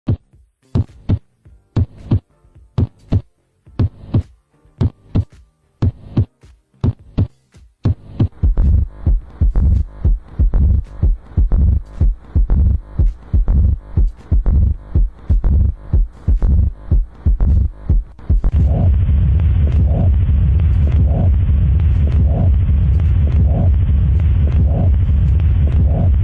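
Low, repeated heartbeat thumps through a stethoscope, growing muffled and then buried under a steady hum.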